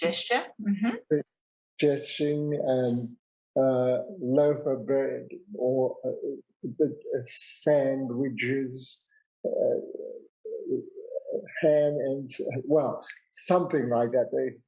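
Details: 65-year-old man, a real stroke survivor, with aphasia after a big stroke 10 years earlier; he also cannot write or spell; aphasia.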